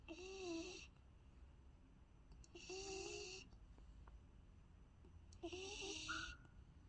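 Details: Golden retriever puppy, just over 3 months old, snoring while asleep: three whistling, squeaky snores on breathing in, about 22 breaths a minute, with quiet exhales.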